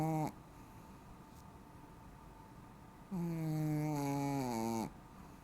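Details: Long, loud, tonal snores from a female ("girl"), about two seconds each, with quiet breathing between; snoring.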